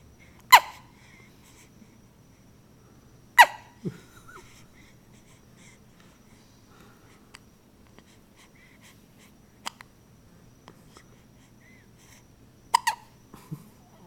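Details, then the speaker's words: 1-week-old baby with frequent hiccups: a few sharp, abrupt catches in the breath at irregular intervals in a quiet room; normal newborn hiccups. "Okay, 1 week old. Hiccups galore."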